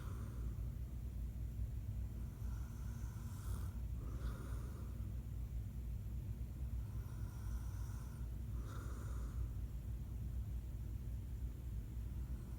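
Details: Snoring from a sleeping adult man, a father: two slow rasping breaths, each with a brief snort-like burst, over a steady low background rumble.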